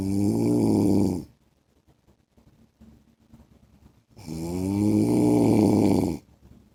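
Loud, long, buzzing snores on each breath in, with near silence between them.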